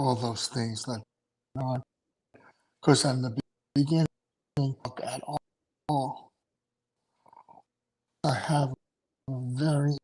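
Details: Adult male with aphasia after two strokes in November 2017, including a hemorrhagic stroke; short-term memory problems, right-sided weakness, unusable numb right hand, ten seizures since; aphasia.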